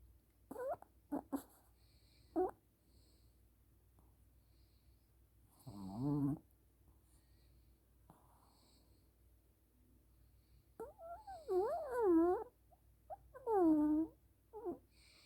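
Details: Soft whimpers, yips and short whining cries from Freya, a pet twitching while asleep; ordinary sleep vocalizations during dreaming.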